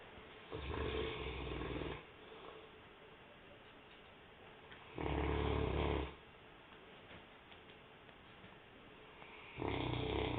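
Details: St. Bernard dog snoring: three slow, rough, low rumbling breaths with quiet gaps between them, about 14 a minute.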